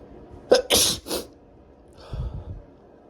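A quick sharp inhale followed by two explosive sneezes, then soft breathing; a brief bout of sneezing.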